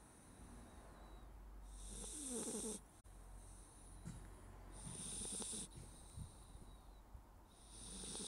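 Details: Sleeping Labrador puppy: soft, rough snoring breaths about 20 a minute with an occasional snort, over steady room hum; snoring.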